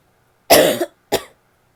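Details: Barking cough from a female: two harsh, abrupt coughs, the first longer with a rough, hoarse edge.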